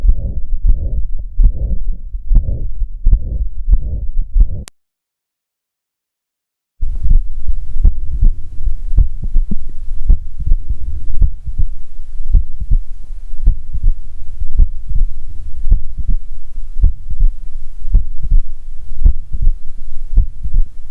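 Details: Heart sounds recorded with a Stethophone digital stethoscope (FDA-cleared Class II device): soft rushing sound after the first heart sound, a systolic heart murmur marking a range of cardiac pathologies.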